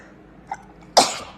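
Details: Single short explosive sneeze after a brief intake of breath in a quiet room; a bystander says bless you: sneezing.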